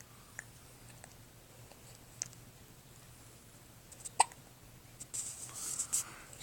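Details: Infant hiccups, possibly after overeating: several brief, sharp, soft hiccups spaced a few seconds apart in a quiet room, adult voice near the end.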